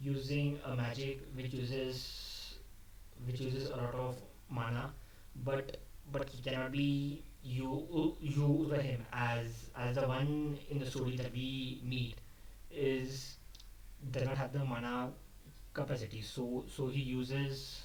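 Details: Adult male who stammers, speaking unscripted, which he says increased his stammering; word repetitions audible. Finding: stuttering.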